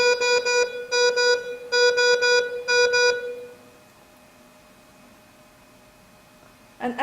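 Groups of loud rapid electronic beeps for about three seconds, then quiet: a defibrillator's charging tone.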